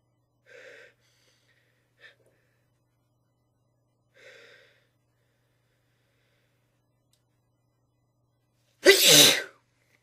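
A few quiet breathy catches build up before one sharp, forceful sneeze; an ordinary sneeze after trying to hold it back.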